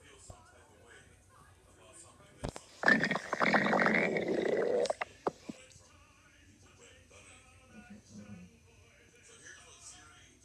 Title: Rocky stomach growling loudly /my cat Monica stomach growling 😉